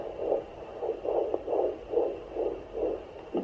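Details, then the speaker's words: Rapid rhythmic whooshing pulses at about 136 per minute: a baby boy's fetal heartbeat picked up on a Doppler at 29 weeks 3 days of pregnancy, within the normal fetal range; hiccups were also caught earlier. "yes and there's the heartbeat I think I'm sorry getting smaller"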